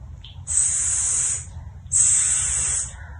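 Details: Speech-therapy exercise correcting a child's interdental lisp (sigmatism): cotton swab between the teeth, child bites down and sustains /s/ while tongue is kept from protruding.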